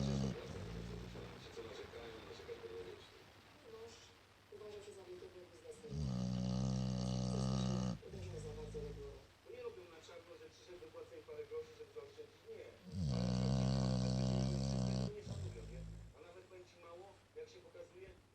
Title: Snoring dog